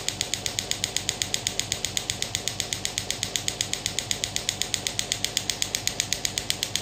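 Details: Pneumatic extracorporeal radial shockwave therapy (ESWT) device, demonstrated after moving from the hand to maximum intensity: steady, regular sharp ticking shots, roughly 95 a minute, over a mechanical hum.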